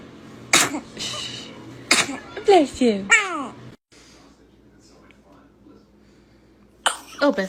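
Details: Baby sneezing: two small, sharp sneeze bursts from an infant, then brief fussy vocal sounds in a quiet room, adult voice briefly at the end; the baby's sneezes are described as dramatic.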